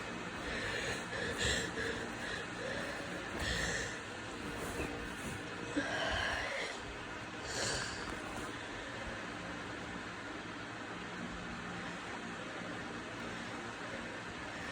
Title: Bad cold really congested lots of sneezing and. Wry snotty sniffling